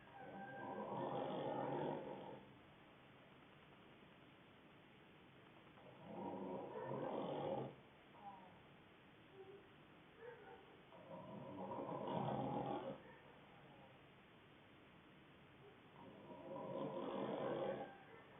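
Rough, rattling snores on each in-breath, about 12 breaths a minute, with a steady hiss of background noise.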